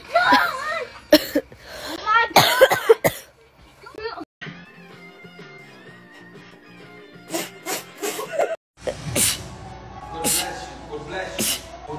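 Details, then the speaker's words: Several sharp, quick sneeze bursts with brief pauses, a sneezing attack caught on camera from a female, over background music and talk. "when the camera catches your sneezing attack"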